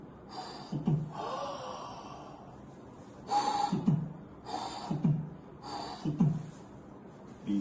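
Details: Vocal imitation, by mouth, of a soft pansystolic murmur at the tricuspid area whose sounds swell with the patient's inspiration, showing tricuspid regurgitation growing louder with breathing in.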